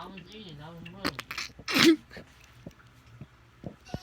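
Brief voice, then one loud, sharp explosive sneeze with a burst of hiss, followed by quiet clicks; a single sneeze.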